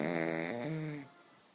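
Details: Pet dog asleep on a couch: one short, buzzy, tonal snore that drops in pitch and fades out; dog snoring.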